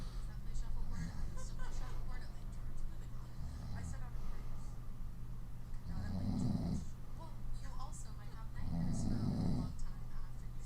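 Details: Woman sleeping on her stomach: soft, low snoring breaths about every three seconds, each out-breath puffing through loose lips, over a steady background hum.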